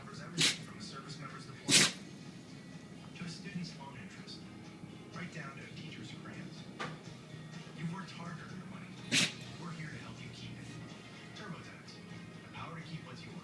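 Three short, sharp sneezes from a puppy over a noisy background of television talk and music.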